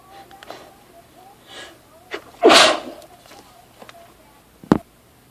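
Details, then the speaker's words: Repeated sneezing right after about 10 minutes in a home improvement store, nose strongly tickled and irritated by plants, tools and wood: a sharp inward breath, one loud explosive sneeze, then a shorter second burst. "I can't stop. I'm gonna sneeze. I still have to sneeze."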